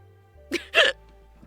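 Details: Hiccups in a person who has had them for 1.5 hours, with painful hiccups despite trying many remedies and a lifelong tendency to get hiccups: hiccups (singultus).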